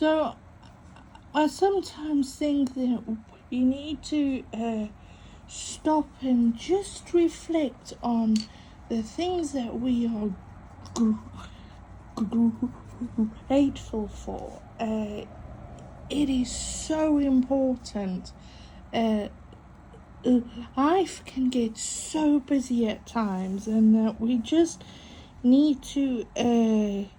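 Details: Adult female with a stutter mainly on vowel-initial and W words and long phrases, coping with breathing techniques and a stuttering device on her phone: stuttering.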